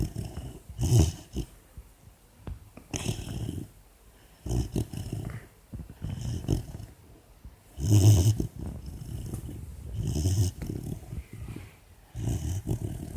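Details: 4-month-old female Labrador puppy asleep with an ear bud in her mouth: soft, low, snuffling snores with each breath, about 30 a minute; normal snoring in a sleeping dog.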